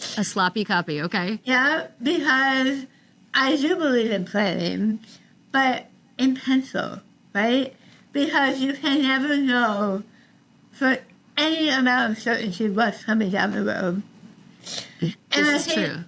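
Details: Adult woman about 3 years after treatment for stage 4 tongue cancer: over half of tongue removed and rebuilt with forearm skin graft, neck dissection, 6 weeks radiation and chemotherapy; some listeners cannot understand her; articulation changes after partial glossectomy.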